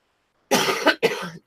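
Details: Two short, sharp cough bursts in quick succession with no wet or rattling sound: a dry cough, with a still-running nose, on the first day of feeling better after illness.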